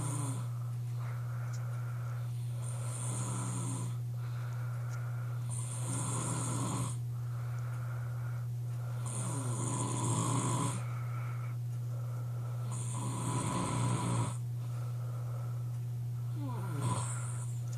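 Loud, rattling snores on each breath in, about every 3–4 seconds, over a steady low electrical hum.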